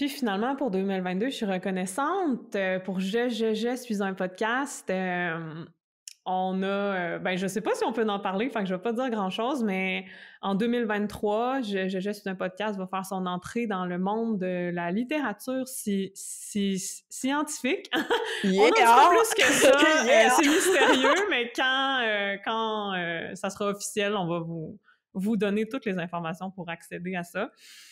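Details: Stuttering in an adult woman who describes her stuttering as including blocks, eye closing and head movements.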